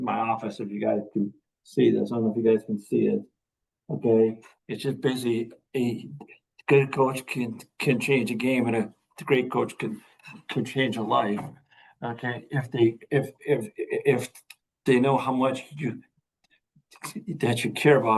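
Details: Adult veteran high school coach and special education teacher who stutters; stuttering.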